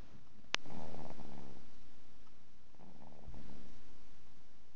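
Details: Low, fluttering rumbles on two breaths after a single sharp click; soft snoring.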